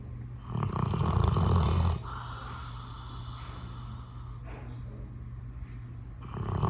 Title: Loud Snoring Dog